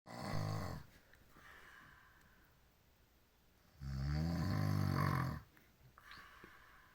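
Two loud, rough, vibrating inhalations separated by quiet exhalation; snoring.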